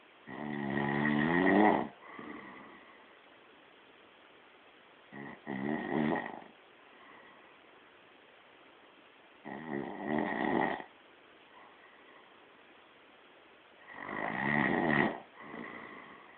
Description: i got caught snoring, it wasnt me!?